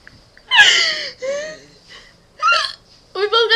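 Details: Two people hiccupping at once: sudden voiced hiccup yelps mixed with laughter.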